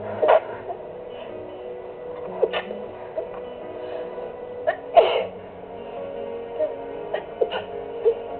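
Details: Sneezing fit recorded on a phone while relaxing to music: several short, sharp sneezes in quick succession over background music; sneezing.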